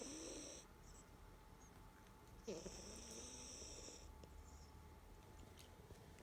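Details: Snoring from a napping 3-year-old cat that has snored every day since it was a bottle-fed kitten; owner notices fluctuations in the snoring and sometimes worries: two quiet snoring breaths with a faint high whistle.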